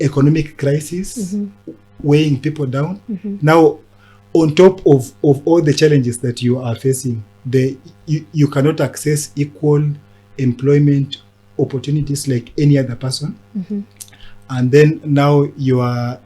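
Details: Adult man who stammers; stuttering.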